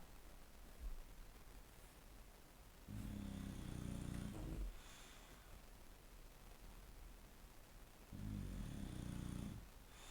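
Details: Someone snoring loudly; snoring.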